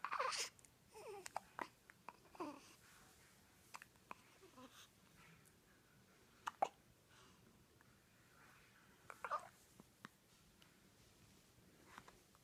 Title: One week old Wideawake an alert with the hiccups